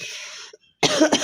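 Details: A hissing breath, a pause, then a short harsh cough burst, from an adult with a cold and some chest congestion, recorded for a cough challenge.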